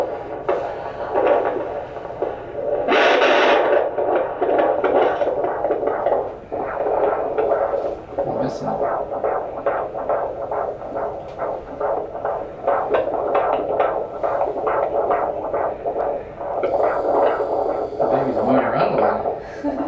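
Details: Fetal heart arrhythmia with skipped beats at 30 weeks of pregnancy, leading to a hospital referral.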